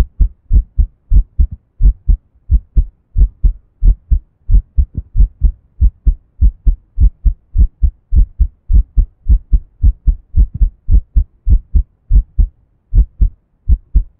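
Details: Strong, regular low heartbeat thumps at roughly 100 to 105 beats a minute, a person's own first recording of their heartbeat.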